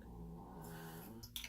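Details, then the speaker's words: A little dog snoring loudly in the background; the owner remarks on such a big snore for such a small dog. "we're gonna go you can hear Sophie snoring in the background I don't know Harel she ended up with such a big snore for such a little dog oh my goodness"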